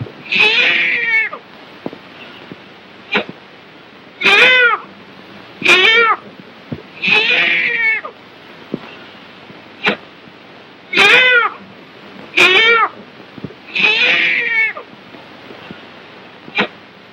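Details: High, thin, repeated wailing cries in short bursts every second or two from a newborn boy (8¼ lb) just delivered in a 1938 dramatized educational film of actual childbirth; healthy newborn crying.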